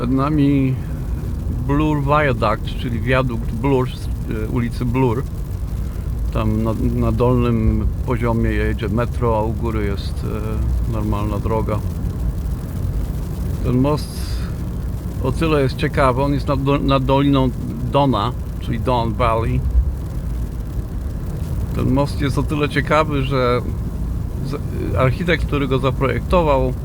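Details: Male speaker who describes his own stuttering, speaking Polish; mid-sentence break-off followed by a long pause; stuttering.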